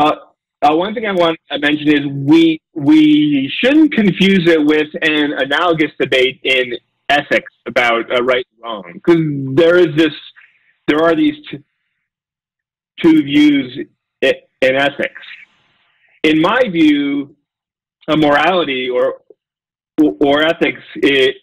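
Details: Real adult male lecturer who says he has a speech impediment, stutters and gets stuck on his words, giving a talk; stuttering.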